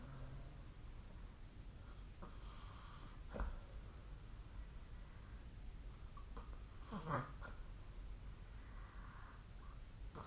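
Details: Snoring during sleep recorded with a snore-tracking phone app: two soft, rough snorting breaths about four seconds apart over a low steady room hiss.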